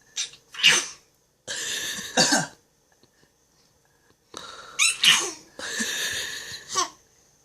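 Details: 4½-month-old infant fake coughing, imitating daddy; short, breathy, deliberate cough-like bursts, a normal playful voluntary cough.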